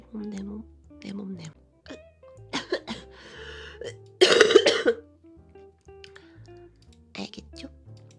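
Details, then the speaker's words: Girl with a throat cold who says she coughs with every word she speaks, though it is better than at the weekend: a harsh cough burst between stretches of talking, with music in the background. "진짜 오랜만에 폰는데 한마디 할 때마다 기침이 너무 나서 금요일부터 주말보다는 많이 나아졌어요."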